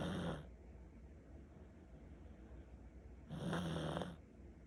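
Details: Two loud rasping snores a few seconds apart over quiet breathing; heavy snoring in a Pomeranian dog.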